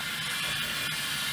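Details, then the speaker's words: Steady loud rushing hiss of moving air: dental high-volume suction running through an extender with an expanding pop tube and a paper funnel cone, set up as a cheap aerosol-reduction unit. "okay you bend it a little bit so it's generally in the right vicinity it's moving a lot of air you can hear it and you can feel it if you were here you can feel it"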